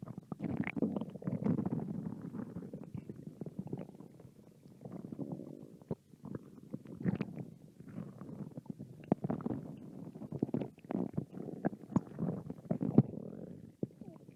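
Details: Stomach growling from a hungry American girl: soft, gurgling rumbles and bubbling pops from the belly coming in waves, ordinary hunger borborygmi.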